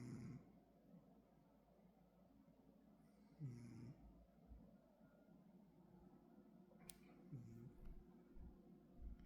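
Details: Cat that wakes up yet keeps snoring: soft, low rumbling snores about every three and a half seconds, roughly 16 breaths a minute, over quiet room noise.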